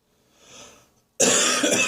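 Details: Productive morning cough in the bathroom, still bringing up catarrh: a quiet breath in, then a single harsh, forceful cough that sounds like it is clearing mucus.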